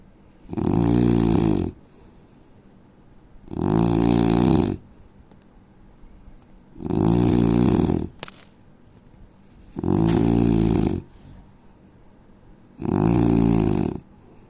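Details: Indian man snoring in sleep: five long, loud, rough snores, each about a second, every three seconds, roughly 20 a minute.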